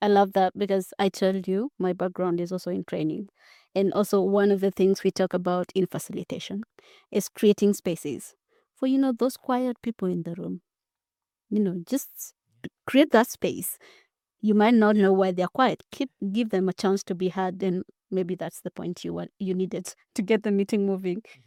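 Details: Adult woman; normal speech.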